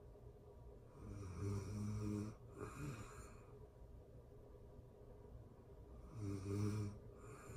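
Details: Real-time recording of a person asleep: soft, buzzing snores on the breaths in pairs, with a long quiet gap between them, in a hissy room; snoring.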